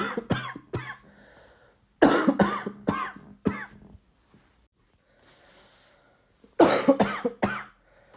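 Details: Three fits of repeated, short, forceful adult coughs, about fourteen in all, during a recent common cold.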